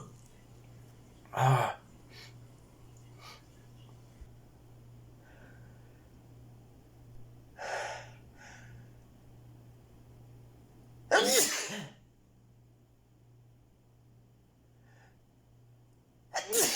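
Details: Person who can't stop sneezing: several sudden explosive bursts of air separated by quiet breathing and faint sniffs; repeated sneezing.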